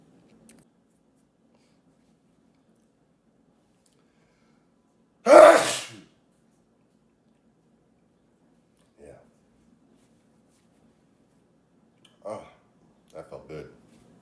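One loud, sudden sneeze in a quiet room, followed by a few soft sounds.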